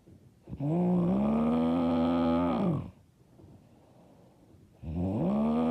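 Loud, buzzing, tonal snore lasting over two seconds, a quiet pause, then the next snore begins.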